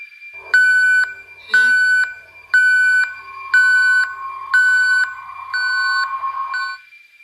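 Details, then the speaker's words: Repeated electronic beeps about once a second, a patient's call bell ringing at night in a hospital ICU, in a narrated Telugu horror story; patient call bell. "ఆ రాత్రి ఒక patient call bell press చేసింది."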